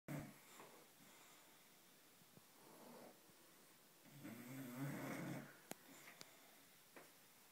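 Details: British bulldog(s) sleeping, first night home with a new puppy: rough, rattling snores on breathing in, separated by quieter breaths out; noisy snoring of a flat-faced dog.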